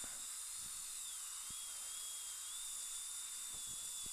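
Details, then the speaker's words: Dental handpiece with water spray during lab repair of an upper all-on-4 implant prosthesis with a fractured denture flange: steady high-pitched whine with hissing spray, pitch dipping under load; dental handpiece at work. "so even though my mirror is well out of the spray water spray area so we can keep that just the way it is and just going to just gently ever so gently remove the composite"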